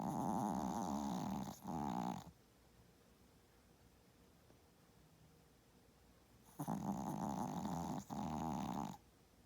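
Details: Small dog, which plays hard, snoring loudly: two loud, rattling snores, each a long inward rumble with a brief break, separated by several seconds of quiet.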